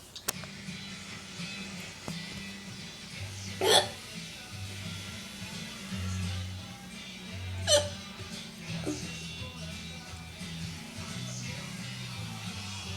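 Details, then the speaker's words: Hiccups in a pet dog: two sharp, abrupt hiccup bursts about four seconds apart over background music. "This is me with the hiccups. It's my dog with the hiccups."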